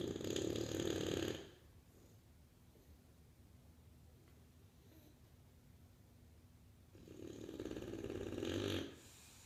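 Two loud, fluttering, ratchet-like snores about seven seconds apart with quiet between; heavy snoring of a flat-faced dog.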